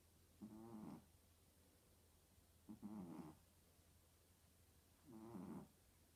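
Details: A sleeping puppy snores in regular, rattling bursts on each breath in, about 25 a minute.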